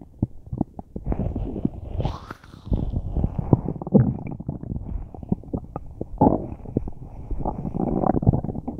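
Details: Person with a tummy ache, since resolved: loud, near-continuous gurgling and rumbling abdominal sounds with bubbling pops; prominent borborygmi.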